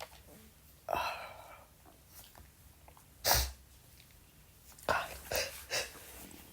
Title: sneezing (m)